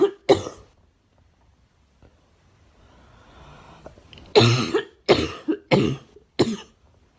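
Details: Girl who smokes homegrown tobacco, saying it hurts and something is in there: two coughs, a quiet pause with faint breathing, then four harsh, forceful coughs; repeated coughing.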